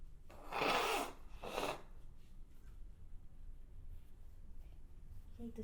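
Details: Two sneezes in quick succession, a loud burst then a shorter one, followed by quiet room noise: ordinary sneezing.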